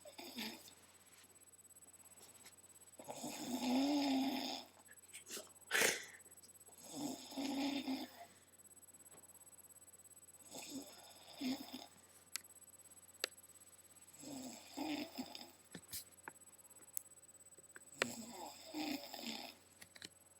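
Loud, regular rattling snores roughly every three to four seconds, about 17 a minute, with faint room noise: heavy snoring during sleep.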